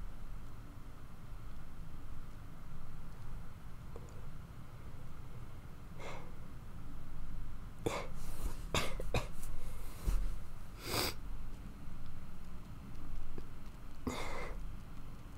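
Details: Acted roleplay of a young woman with a common cold who is struggling to sleep and has a headache, drippy nose and a bit of a cough: several soft, breathy coughs and sniffles over a quiet background hiss.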